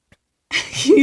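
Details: A person sneezing into the camera: a single sudden, forceful burst of air after silence.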